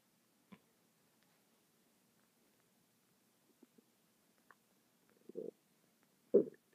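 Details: A quiet stretch broken by soft gurgles, then two louder bubbling rumbles near the end, from a stomach making noises non-stop for 10 minutes: stomach rumbling (borborygmi).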